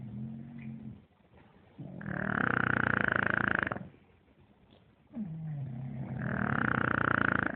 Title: Baby Bully Snore